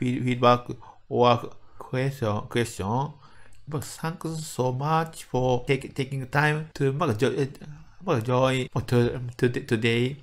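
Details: Adult medical doctor from Japan with developmental (childhood-onset fluency disorder) stuttering, speaking English; word repetitions audible; stuttering.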